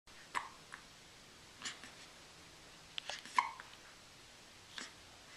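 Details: Hiccups before bed at night: about five soft, abrupt hiccups at uneven intervals in a quiet room.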